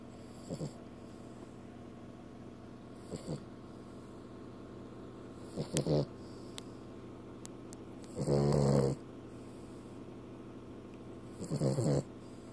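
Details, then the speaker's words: Female dog asleep, snoring: rough, rattling snores about every two to three seconds, roughly 22 a minute, with a television playing faintly in the background; dog snoring. "Busted. Snoring pooch. Yeah, you just snoring pooch, you."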